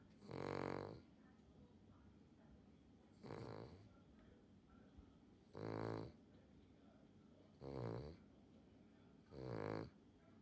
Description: This is my sister’s dog, Xtra, snoring loudly